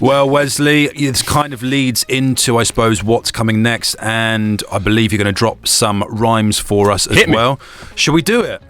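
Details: Adult male speaker; Normal speech.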